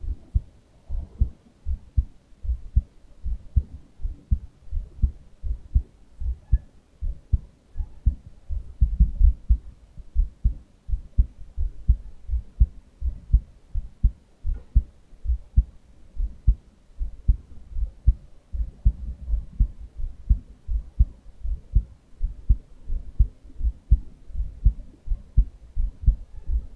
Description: Heart beat recoded form 3M Littmann 6156 Cardiology IV Stethoscope.